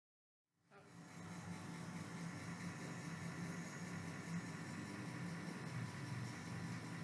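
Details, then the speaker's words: A hospital suction machine (vacuum pump) is switched on after repair and runs with a steady low motor hum, ending in a sharp click; working normally, showing vacuum pressure. "आप देख सकते हैं यह काम कर रहा है और में वैक्यूम प्रेशर भी दिखा रहा है"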